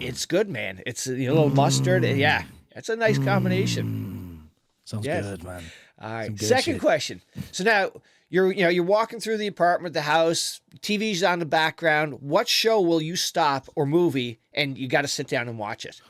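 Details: Adult male speaker; no disorder.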